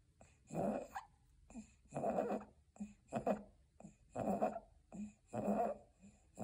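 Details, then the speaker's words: Young baby, likely under 3 months, with an atypical breathing pattern, neck tugging and head bobbing: noisy, congested breathing with grunting on each breath, about 50 a minute: noisy breathing with grunting. "evaluation you can hear noisy breathing which is common in newborns and sometimes grunting can be common too"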